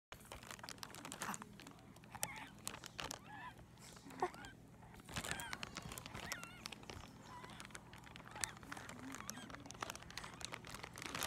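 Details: 6-month-old infant wheezing: noisy breathing with squeaky, honking whistles from narrowed airways.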